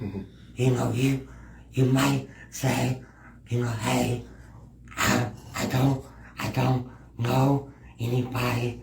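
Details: Male podcast guest with a disability who has a speech impediment; speech impediment.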